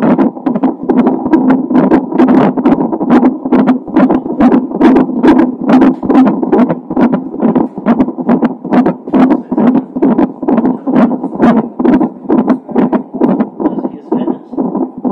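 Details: Fetal heart sounds of a baby with Down syndrome, recorded a few hours before birth: a rapid, regular whooshing heartbeat at about 136 beats per minute.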